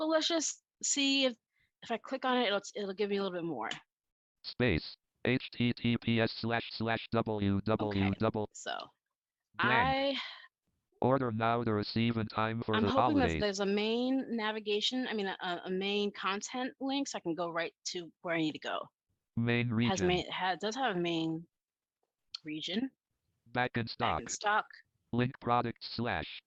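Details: Adult woman who states she stutters and that it is heard throughout her presentation; stuttering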